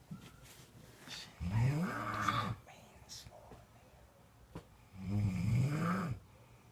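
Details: Snoring: two loud, low, rattling snores on breathing in, with quiet pauses between.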